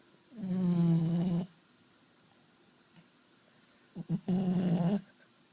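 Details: Plain snoring: two low, buzzing snores about a second long, a few seconds apart, in a quiet room.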